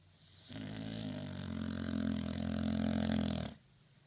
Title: Snoopy - 2 minutes of snoring